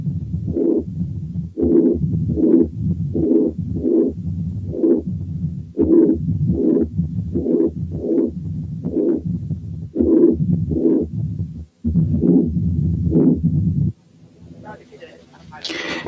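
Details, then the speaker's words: Double mitral lesion (stenosis and incompetence) with atrial fibrillation on teaching auscultation: loud first sound, pansystolic murmur and opening snap, with a totally irregular rhythm. "الحالة اللي جاية برضو double mitral lesion إنما فيها كمان atrial fibrillation وفيها loud first sound و pansystolic murmur و opening snap إنما الريزم is totally irregular."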